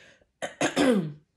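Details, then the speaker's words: An adult woman who says she has lost her voice clears her throat in a few quick rasping bursts, ending with a short voiced grunt. "je suis désolé j'ai perdu ma voix et c'est lourd excusez-moi"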